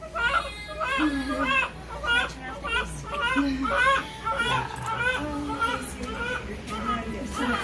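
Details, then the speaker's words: Newborn boy crying strongly right after a home birth at 37 weeks 3 days, following the mother's two prior C-sections. Repeated rising and falling wails with adult voices nearby; the baby is fine, just mad. "Wow. Baby's fine. Just mad."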